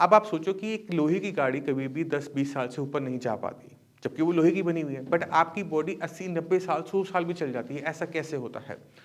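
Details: Adult male speaker; typical speech.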